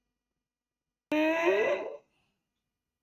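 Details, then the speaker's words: Stridor in a patient with bilateral vocal cord abductor palsy, with the cords adducting on breathing in: a harsh, high-pitched, musical breathing noise. "patient present to us with a strider this is how it sounds like"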